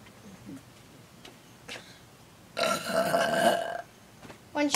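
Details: Long, loud, drawn-out belch after a few small throat sounds, then the start of another burp, performed by a burping entertainer before an applauding audience; burping.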